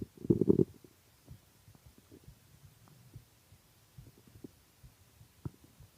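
A short loud gurgling growl, then scattered soft pops and gurgles. Hunger stomach growling.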